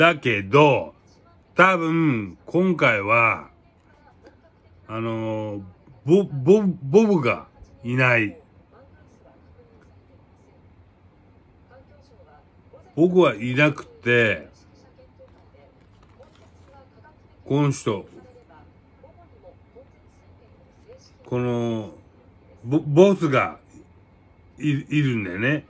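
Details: Japanese speaker tagged as having aphasia and hemiplegia after a cerebral haemorrhage; aphasia.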